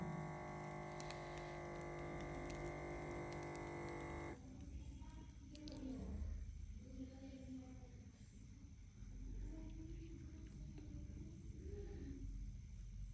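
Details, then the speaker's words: Digital automatic blood pressure monitor with the cuff taped on the arm: steady electric pump hum for about four seconds as the cuff inflates, then quieter room sound. "লাগায় দেওয়ার পরে এই যে মেশিনটা এবার start করতে হবে এটা খুবই ইজি একটা জিনিস ইজি কিন্তু ব্যবহারের জন্য খুবই উপকারী এই যে আমাদের এবার প্রেসারটা দেখা যাবে"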